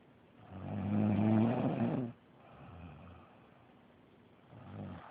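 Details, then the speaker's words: Adult woman asleep, girlfriend who denies snoring: one loud, deep, rumbling inhaled snore, then quieter breathing and a softer second snore; snoring. "I told y'all she was loud. She didn't believe me though, but she got proof."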